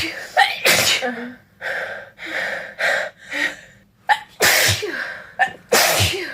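Several loud, wet sneezes in a row, each with a sharp in-breath before it; repeated sneezing.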